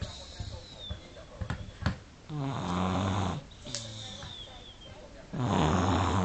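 Two long, low, buzzing inward snores from a sleeping toddler, separated by quieter breathing; snoring.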